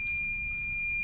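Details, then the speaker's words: TOP Infusion Pump 2300 training demo of a simulated blocked line: continuous high-pitched tone over low rumble with a blinking red light until silenced; an infusion pump occlusion alarm. "you can hear the sound the red light you have a blink what you can do you first step you silence the alarm surface then from this one indication you know it's occlusion so you release the occlusion along the time"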